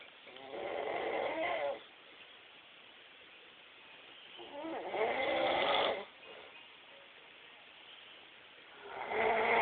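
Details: Rattling snores on each breath, about 15 a minute, with quieter gaps between; ordinary snoring during sleep.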